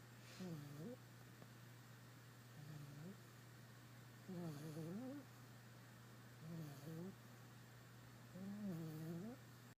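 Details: Sleeping puppy snoring: five squeaky, whistling snores about one every two seconds over a steady low background hum.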